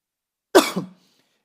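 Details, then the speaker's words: A single short, harsh cough with a brief rough tail from an adult man preaching in a quiet room, during a week of flu (he says it is not COVID). "esta semana fue una semana de lucha con una gripe, así que me va a escuchar toser, pero quédese tranquilo, no es COVID."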